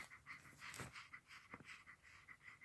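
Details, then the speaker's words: 18-year-old toy poodle, fell down steps two weeks earlier and couldn't walk, got back up after a vet steroid shot; now rapid, breathy heavy panting with a harsher gasping breath, gasping for air. "now she's doing these heavy panting and gasping for air"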